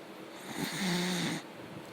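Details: Sleeping dog: a single rough, buzzing snore with a hoarse, tonal middle, lasting under a second, in a quiet room; snoring.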